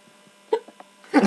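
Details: Man drinking beer, possibly drunk: a short, sharp hiccup-like burst followed by a louder vocal sound in a quiet room with faint hum; hiccups while drinking.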